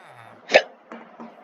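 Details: Person gets hiccups while playing Minecraft for hours: a single sharp, abrupt voiced hiccup between quieter sounds.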